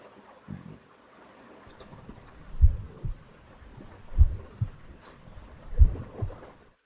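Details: Paired low heart sounds with a pansystolic murmur through systole, usually heard at the apical area: the murmur of mitral regurgitation.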